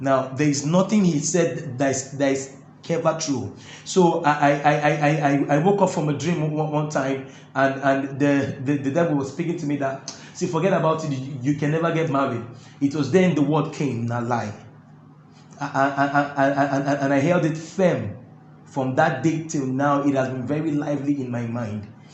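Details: Adult man who stammers, finding talking difficult while singing flows easily; stuttering.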